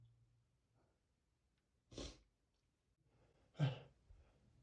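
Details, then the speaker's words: Staged, cartoon-style sneezing by an adult male, self-described allergic to flowers, after sniffing lilies: two quiet, exaggerated sneezes with snorting and soft breathing between; simulated allergy sneezing. "Uhoh, not again. Here comes another sneeze. [snorts] Oh no. Uh-oh. I feel another sneeze coming. And it's going to be a big one."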